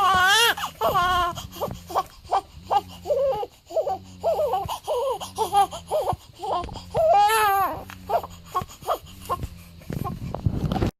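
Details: Day-7 newborn cries in short rhythmic wails with rising and falling pitch, pausing for breaths, over a low background hum: an ordinary infant cry.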